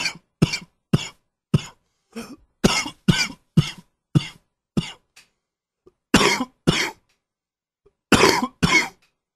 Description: Cold setting in!!!